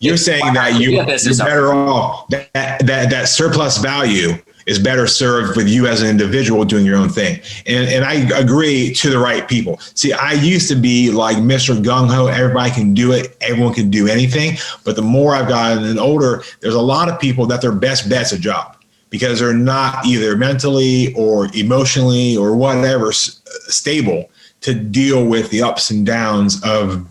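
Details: Adult man with a lifelong severe stutter, worked on intensively, including 12 or 13 days of practice at a speech school, speaking in a podcast conversation: stuttering.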